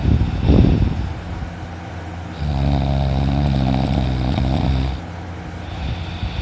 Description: I slept in this morning and I slept very good I snored loudly no wonder why my throat hurts so much!